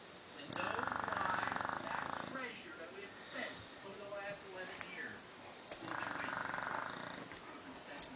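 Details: Bulldog, a flat-faced dog, with a loud snore; rhythmic rattling, snorting snores on each breath with quieter phases between; snoring.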